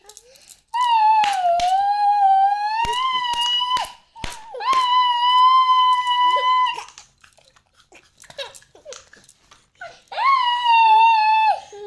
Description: cute baby Hiccups from laughing too much#viral #shorts #cutebabyshorts #logging#funnybaby